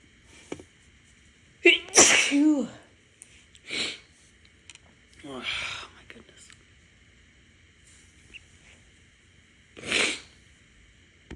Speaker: It's ragweed time. I've been sneezing a lot yesterday, and I woke up this morning stuffy, and took my dogs out.